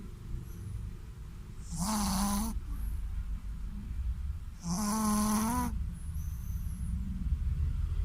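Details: Shih Tzu snoring in sleep after a bath: two loud, buzzing, tonal inspiratory snores, each about a second long, with quieter breathing between.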